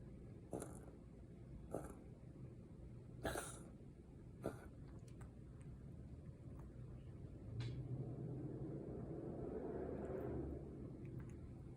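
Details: Rescued rabbit with an unresolved breathing problem, not yet seen by a vet: noisy, wheezy breathing with abrupt snorting catches.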